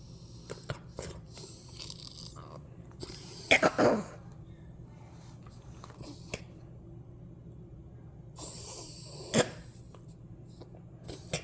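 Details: A dog with labored breathing gives two harsh, abrupt coughs several seconds apart, with faint breathing noises between them.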